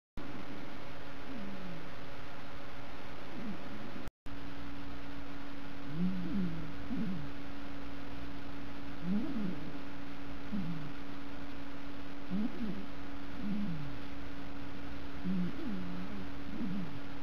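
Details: A sleeping calico cat snores with soft, rising-and-falling whistly tones at a slow, uneven rhythm over a steady hum, not waking when prompted.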